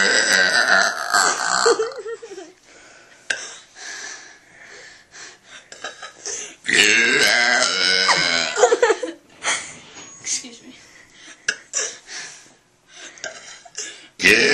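A long run of voluntary burps shaped into words, with brief breaths between bursts.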